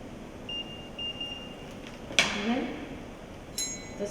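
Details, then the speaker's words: Short high-pitched beeps from a dental light-curing unit timing the cure of the adhesive layer during a Class III composite restoration, with a brief hiss and room noise. "after this we need a light curing"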